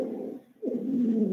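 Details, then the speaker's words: Teaching demonstration of wheezes in the conducting airways: a low, continuous whistling heard in both inspiration and expiration, unlike crackles, which are inspiratory. "Los roncantes y los sibilantes son tanto en inspiración como también en expiración."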